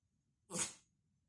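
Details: A single short, hissing nasal burst from a dog that then plays with a pink ball; sneezing.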